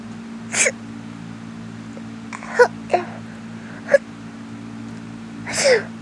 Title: just me sneezing for 46 seconds straight